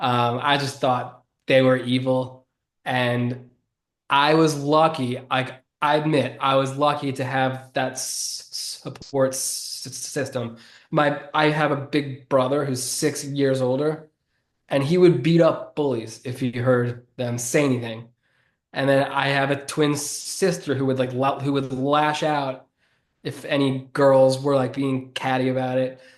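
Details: 33-year-old man who has stuttered since about age seven or eight; he calls it predominantly neurological and relatively normal, not severe. Finding: stuttering.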